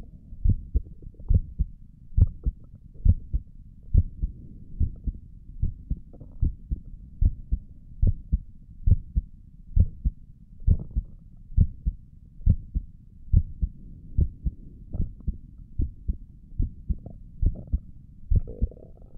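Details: Heartbeat recorded via stethoscope on own chest while relaxing: regular lub-dub about 70 a minute, two crisp sounds per beat over a soft hum; normal heart sounds.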